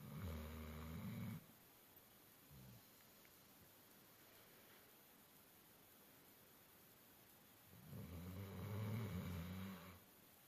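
Deep, rough, rattling snores separated by a long quiet gap from a sleeping dog; loud sleep snoring.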